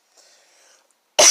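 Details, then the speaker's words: A sick girl with a raspy voice gives a single sudden loud cough burst after faint quiet breathing; the cough is cut off at the end. "I'm sick right now you guys can kind of hear my voice is raspy and I'm kind of like coughing and stuff so I'm sorry about that"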